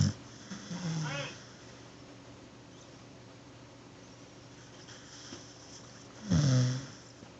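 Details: Pet dog snoring while resting peacefully.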